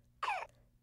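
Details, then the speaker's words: Simulated infant cough from a RealCare infant simulator doll: a single brief, high-pitched cough-like sound made while baby is awake, a typical infant sound requiring no care. "Baby will also make typical infant sounds when it is awake, such as cooing and coughing."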